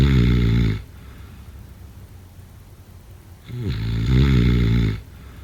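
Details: Heavy snoring during sleep: loud, deep, buzzing snores roughly every three to four seconds with a noisy pause between.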